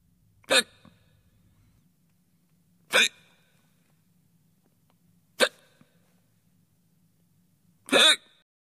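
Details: Four abrupt, sharp inspiratory hiccup sounds about every two and a half seconds, roughly 24 a minute, presented as a hiccups sound effect.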